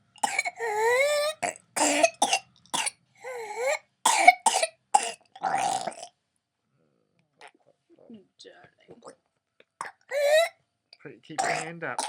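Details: Swab-confirmed pertussis in a 22-month-old fully immunised girl: paroxysm of rapid coughs with high-pitched, strained breaths between, while a parent urges her to keep her hand up and breathe slowly.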